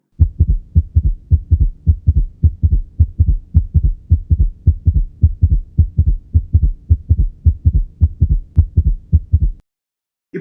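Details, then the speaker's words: Simulated ventricular (S3) gallop heard through earphones: a fast heart rhythm with an extra third sound after the second sound, giving a galloping cadence. "Oi e agora a gente vai para escutar o ritmo de galope ventricular"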